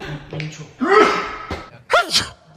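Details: A sharp inhaled catch and small gasp, then a sudden burst of air and voice: a sneeze, with quiet talk in the background.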